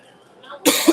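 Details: Single abrupt, harsh cough with a short second push at the end, from an adult after a brief quiet moment; the person says their body is falling apart and they need a drink of water.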